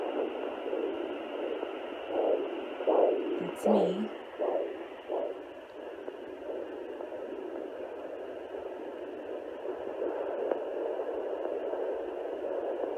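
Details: Home fetal Doppler (Sonoline B 3 MHz) at 10 weeks 6 days of pregnancy, probe on gelled lower abdomen: a few rhythmic whooshing fetal heartbeat pulses over steady hiss, then the signal fades as the heartbeat is lost, easy to lose at this stage.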